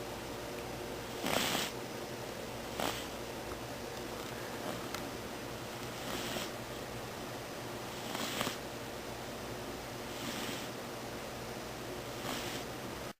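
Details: Small pet named Tbone snoring while asleep: light rhythmic breathy snores about every two seconds, roughly 28 a minute, over room hum.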